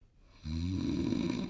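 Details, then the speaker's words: Loud, rough, rattling snore that starts abruptly and holds through one breath in; ordinary snoring. "you snore or someone close to you the principal cause of snoring is that the soft palate obstruct the air passing through the airways"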